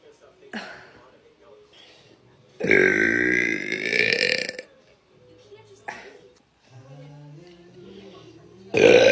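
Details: Person belching in a compilation that also includes loud, painful hiccups: several belches, one a long deep rumbling burp lasting about two seconds and another loud one at the end.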